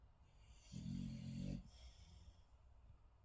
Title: Zeus snoring